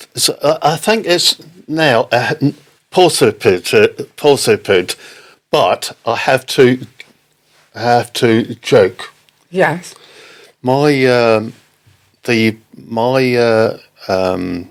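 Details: Aphasia in an adult man, a father, after a stroke in October 2019; audible word-finding difficulty and garbled words.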